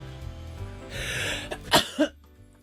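A quick breath in, then a sharp burst and a short second burst over background music; a sneeze.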